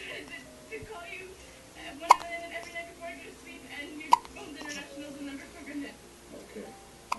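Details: About 2-week-old girl who gets hiccups after nearly every feeding: two sharp, abrupt catches about two seconds apart over quiet talk and soft music; hiccups.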